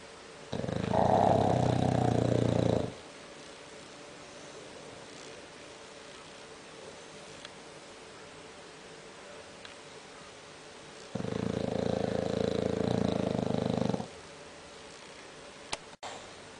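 Two long, loud, fluttering snores a few seconds each, separated by quiet exhalations. Heavy snoring in a flat-faced dog.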